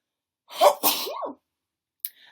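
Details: Single sneeze from a female: a quick voiced intake, then a sharp burst with a sliding vocal tail, followed by a brief click of room noise.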